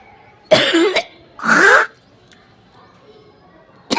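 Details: Cough: two harsh throaty bursts, a hawking throat clear then a cough, ending in a click, in an otherwise quiet room.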